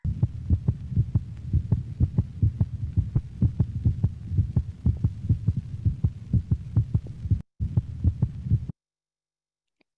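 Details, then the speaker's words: Steady, regular lub-dub heartbeat with crisp first (S1) and second (S2) sounds and no added noises; normal heart sounds, played as a reference in a talk on heart disease in aging dogs and cats. "So S1 is the first heart sound. So that's the lub. S2 is the second heart sound. So that's the dub."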